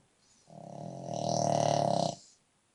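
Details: A 7-year-old brindle Boston Terrier snoring while sleeping: one long, loud, rattling snore under two seconds, growing louder toward its end, like a dump truck.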